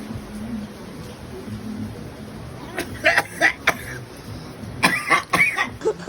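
Two short bouts of harsh, sharp coughing, about eight coughs in all, over low background hum.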